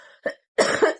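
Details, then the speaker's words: Three short, rough coughs, one brief burst then two close together, from a heavy-smoking woman who reports shortness of breath, asthma that worsened once when she was hospitalized, current medication, and a morning cough; smoker's cough. "I think it's average because I smoke a lot. I have a little shortness of breath, asthma, and a cough."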